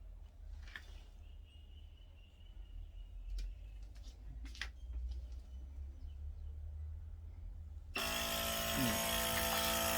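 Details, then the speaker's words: Quiet clicks, then loud steady compressor hum as a Devon Cirona DVT intermittent pneumatic compression pump switches on and inflates its cuff-like leg sleeves, used against deep vein thrombosis. "Air आ गई इसमें। ये क्या करता है, जैसे हम लोग BP का कफ बांधते हैं बीपी चेक करने के लिए, ऐसे ही ये स्लीव्स में कफ होता है।"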